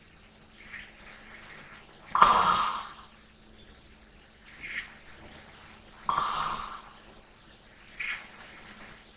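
Light, airy snores alternating with softer breaths, about 15 breaths a minute, over a faint steady hum; gentle snoring during sleep.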